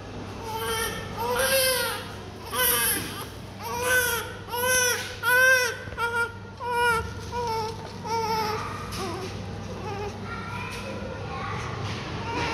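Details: Newborn baby, described as very healthy and chubby, with eyes not yet opened, while a doctor checks the heels: strong, rhythmic, full-voiced crying, about 40 cries a minute, with adult voices nearby; a healthy newborn cry.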